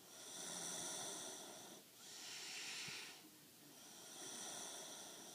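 Slow, hissing breaths about every two seconds, harsh and noisy, with a faint snort between them; loud snoring breaths.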